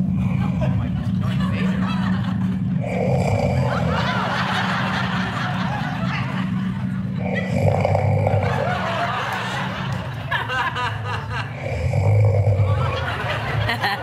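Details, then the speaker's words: Adult man's own snoring during sleep, recorded overnight by a bed sleep-monitoring device and played back; three rough, rattling, somewhat phlegmy snores about four seconds apart over audience laughter and room noise. Snoring. "But last night we recorded it and I got really good sleep, but I did snore for 10 minutes. And we have some of it here."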